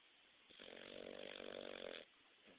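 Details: Snoring from a pug dog, recorded after it woke the owner: one long, rattling, buzzing snore lasting about a second and a half, then quiet.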